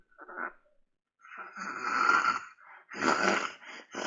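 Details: Home video of a child with weight loss, daytime sleepiness, enuresis and chest deformity: loud, rough snoring with unsuccessful breathing attempts, then ventilation phases between cyclic sleep pauses; obstructive sleep apnoea with snoring.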